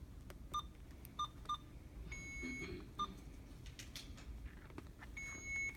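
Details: Short single electronic beeps as an infusion pump's keys are pressed while programming a secondary infusion of imipenem 500 mg in 100 ml for a 34-year-old woman with fever of unknown origin and renal failure; quiet room noise between.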